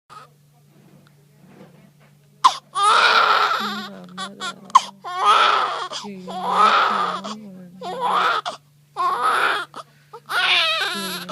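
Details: A newborn in its first minutes of life gives repeated loud crying bursts with short pauses for breath, over a steady background hum.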